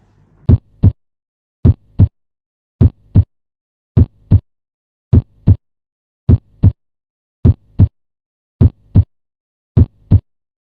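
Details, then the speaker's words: Regular paired heart sounds at about 52 beats a minute, auscultated with a stethoscope over the pulmonic valve area to assess the second heart sound; normal heart sounds at the pulmonic area. "Oskultasi yang kedua adalah pada katup pulmonum. sama-sama untuk mendengarkan bunyi jantung dua."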